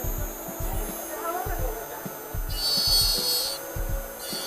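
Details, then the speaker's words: Steady motor whine with a repeating low grinding pulse, over background music. A slow-speed bur under magnification trims a removable plaster die of a master cast about 2 mm apical to the finish line, using a finger rest: dental lab die trimming. "we'll start trimming the dye at approximately 2 mm aicle to the to the uh Finish Line and we do that simply by applying light pressure and a good finger rest thumbs resting against one another"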